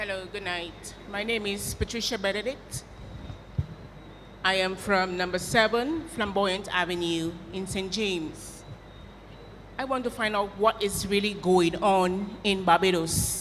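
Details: Adult woman speaking; normal speech.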